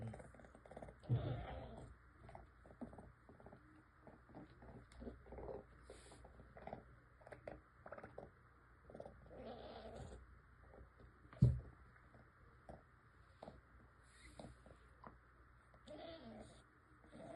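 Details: Emaciated six-month-old stray kitten weighing 2.68 pounds, very sick and struggling to stand: harsh, noisy breathing with repeated crackling clicks and a rough wheezy edge, wheezing and crackles.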